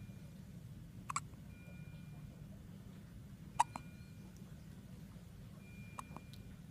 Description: Our little one having hiccups after his feed.